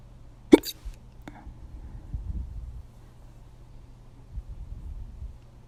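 One sharp, abrupt hiccup click near the start, then quiet breathing and faint room noise.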